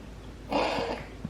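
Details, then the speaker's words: Reverse sneezing in a dog, which the vet thinks relates to allergies: a single harsh snorting inward rush of air through nose and throat, sounding like sucking in air. "because it's like a sneeze for dogs but it's called reverse sneezing so it sounds like he's like sucking in air"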